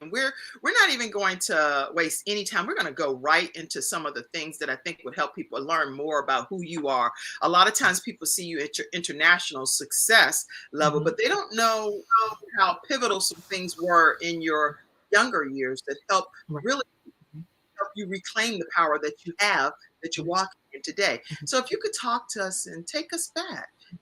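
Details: Adult speaker; normal voice.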